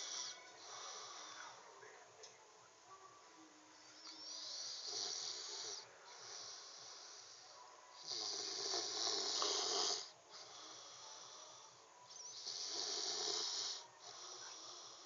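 Loud, hissing, rasping breaths in slow cycles, about 16 a minute, with rough snorting on some: snoring during sleep.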